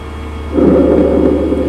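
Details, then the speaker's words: Normal tracheal breath sound, the loudest normal breath sound, heard over the extrathoracic trachea, via stethoscope diaphragm. "E o som traqueal é o som mais alto,"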